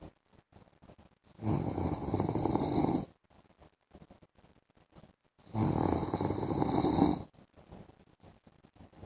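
Two long, rough, rattling snores on the in-breath, about four seconds apart, with quiet breathing between: loud snoring.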